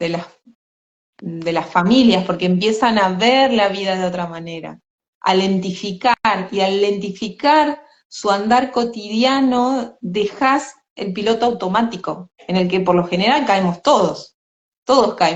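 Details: Adult woman; typical speech.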